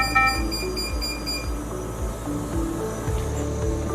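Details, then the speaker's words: Repeating electronic alarm tones over rhythmic machine background: low tidal volume alarm on a Noccarc V310 turbine ICU ventilator in a demonstration, set tidal volume below the 250 mL lower alarm limit. "here you can see low tidal volume along with shown on the screen that indicates your title volume is lower than your alarm profile"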